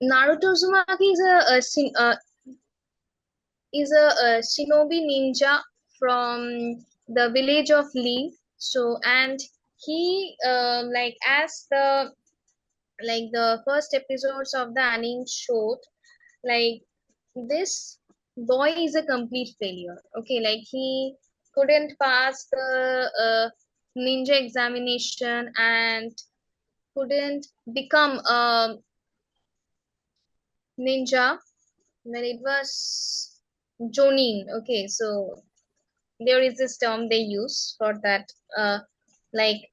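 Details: Woman who has stammered since age six, speaking in a real interview; stammering.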